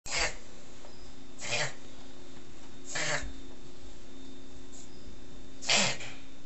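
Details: Papillon mix dog reverse sneezing: four short, sharp snorting bursts, a harmless reflex to nasal or throat irritation or excitement.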